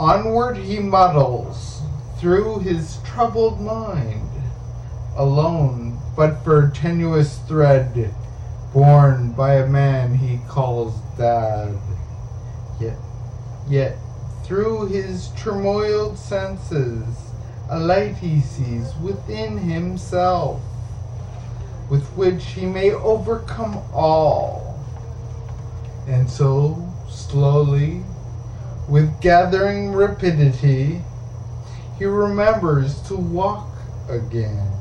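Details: Adult man with an undiagnosed, progressive ataxia that began in 1986, with gradually more slurred speech and unsteady walking with loss of balance: ataxic dysarthria.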